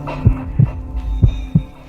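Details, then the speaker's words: Fetal heartbeat on ultrasound, described as detectable from six weeks of pregnancy; soft, rapid low thumps about two per second over a steady hum. "Pregnancy ఆరు వారాలకు పిండం గుండె చప్పుడు తెలుస్తుంది."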